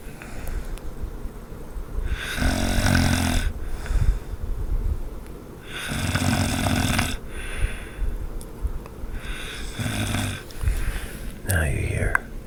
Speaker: what I hear all night is some kind of wild animal. Do you hear the animal?